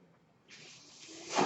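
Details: Soft rushing hiss of air building over about a second, a ventilator delivering a breath, heard during a podcast introduction; the speaker says the noise is from his ventilator; real recording.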